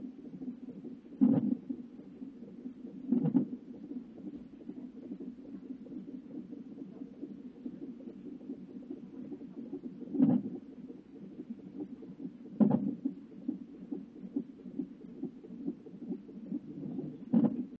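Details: Fetal hiccups at 35 weeks of pregnancy, recorded on a fetal heartbeat monitor: steady low whooshing with five sharp thumps at irregular intervals.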